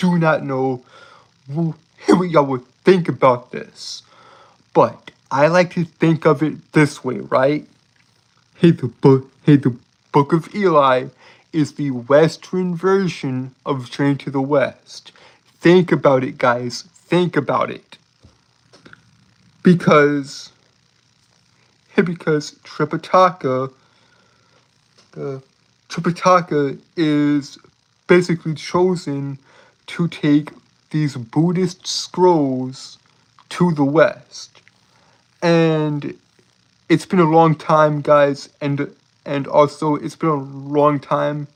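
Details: Adult male streamer with a self-reported speech impediment, with frequent word and phrase repetitions; speech impediment with disfluency.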